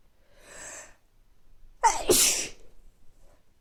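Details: Person with recurring mild colds over several weeks, nose not very stuffy: a drawn-in breath, then one loud forceful sneeze, followed by quiet sniffling and nose blowing.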